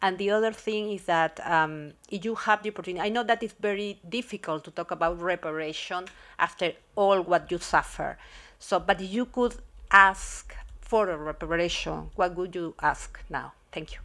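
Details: Adult speaker; Normal speech.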